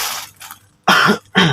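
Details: Patient with annoying phlegm and oxygen saturation 92%, coached by a nurse in effective coughing, simulated: a softer huff, then two strong explosive clearing coughs.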